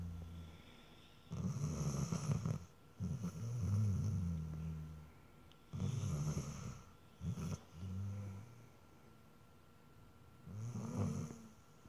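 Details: Irregular rumbling snores and snorts with uneven gaps, some broken into short bursts, from a sleeping dog: snoring.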